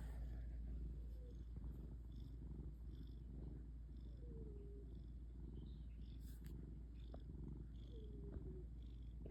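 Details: Soft snoring from a resting cat: steady low rumbling, close to a purr, with a few faint high squeaky breath noises on top.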